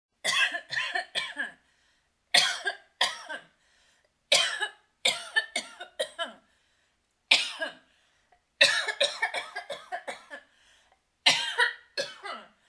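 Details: Adult woman coughing, recorded as a sound effect: repeated short clusters of dry-sounding cough bursts separated by brief pauses.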